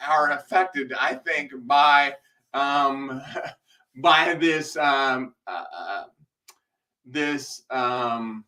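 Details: Male speaker with a self-described speech impediment causing delayed speech, having a rough speech day; blind for six months from 2011, partial vision restored after brain surgery and multiple eye surgeries; hesitant, delayed speech with fillers.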